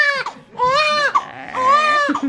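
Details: Newborn baby boy crying in hospital around his first bath: two loud, high-pitched wailing bursts with a brief breath between, a vigorous newborn cry.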